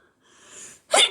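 A soft drawn-in breath, a brief pause, then a sharp explosive burst of air: a single sneeze.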